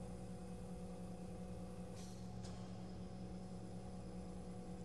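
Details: PureVent 5L oxygen concentrator for pets warming up after startup: steady low hum of the compressor with a brief hiss of air release; oxygen concentrator running.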